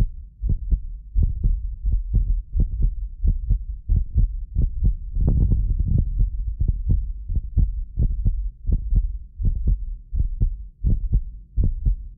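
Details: Steady low paired thumps at about 87 beats a minute from a medically fit adult, recorded with multiple precision contact microphones; occasional doubled clicks are recording delay artifacts: normal heartbeat.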